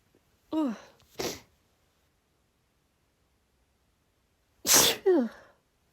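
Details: Female sneezing fit triggered by cold air: two sneezes a few seconds apart, each a sharp burst with a voiced onset, in a quiet room.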